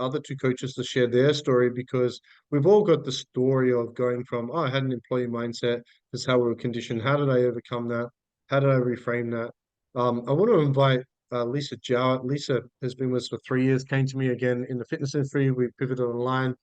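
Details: Adult man speaking; normal voice.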